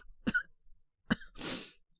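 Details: Simulated cough from a voice actor playing a young man with a cold, coughing at night; two short, sharp coughs followed by a breathy exhale.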